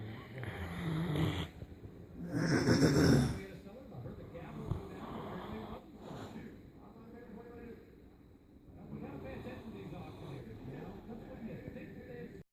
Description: Fury, our Great Dane puppy fell asleep on me and started snoring, she quited down a bit when I started filming unfortunately.